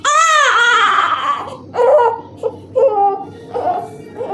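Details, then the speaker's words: Newborn crying, from a demonstration of tummy time as a remedy for excessive crying and colic: a loud wailing cry with rising-falling voice, then shorter fussing sobs and whimpers; an ordinary infant cry. "ঠিক আছে, আমরা কী করি বাড়ি ঘরে, excessive crying হলে পেট ব্যথার ওষুধ দিয়ে দিই, এটা একদম নয়। আগে টামি টাইম করাতে হবে।"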